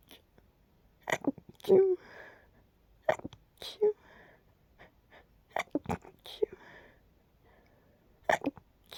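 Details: Nighttime sneezing fit from an itchy tickle that got stuck: repeated quick, sharp bursts, some in pairs, with soft sniffs and catches between, in a quiet room; a run of small sneezes.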